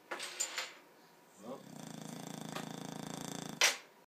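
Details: A female Boxer dog snoring while asleep.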